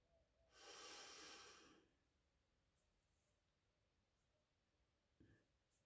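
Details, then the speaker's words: Demonstration of the deep-breathing step of the active cycle of breathing, a chest clearance technique for retained secretions (e.g. chest infection, COPD): a long deep breath in through the nose, a two-second hold, then an extra sniff on top. "now be a nice deep breath in first hold for two seconds and then a sniff on top so deep breath in through your nose"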